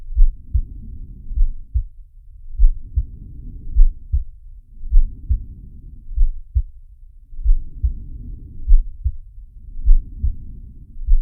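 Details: Sharky's heartbeat and breathing sound, from the Zig and Sharko cartoon: soft low thumping beats under slow rhythmic breath swells, about five breath cycles in eleven seconds.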